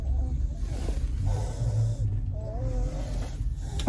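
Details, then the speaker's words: Young daughter asleep in a parked car snores while her mother waits outside a grocery store; snoring. "So ಇವರು ನಿದ್ದೆ ಗೊರಕೆ ಹೊಡಿತಾ ಇದ್ದಾರೆ ಕೇಳಿಸಬಹುದು"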